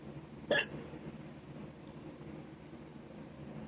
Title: Short hiccups - audio only